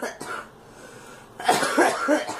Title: Girl coughing